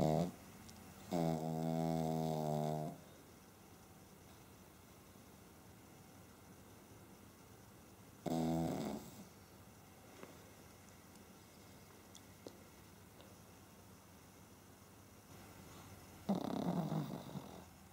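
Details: Pug sleeping on a couch, snoring: three loud, buzzing snores spaced several seconds apart, with quiet room noise between; snoring in a small flat-faced dog.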